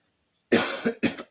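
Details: Cough from an adult woman who had lost her voice the week before, presumed laryngitis, voice still not fully recovered.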